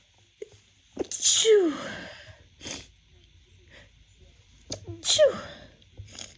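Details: Two sharp, explosive sneezes, each preceded by a quick catch of breath, in a quiet room; a female's first sneezes of spring 2024, attributed to pollen; sneeze.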